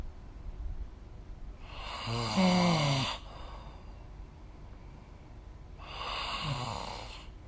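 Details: Two rattling snores on breaths in, a few seconds apart, recorded with a snore-recording phone app, over low room noise; adult snoring during sleep.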